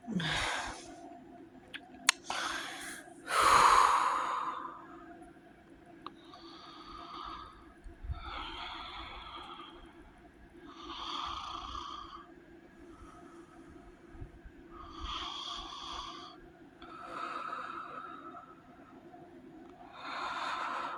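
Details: Heavy snoring with sleep apnea: rough, rasping sleep breaths about 15 a minute, with a loud snorting gasp early on.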